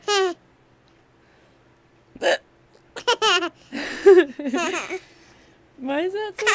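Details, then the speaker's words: Brief voiced gulping hiccups spaced a second or two apart, with laughter-like sounds between them, while another person finds it funny; hiccups. "Gretchen thinks it's funny that I have the hiccups."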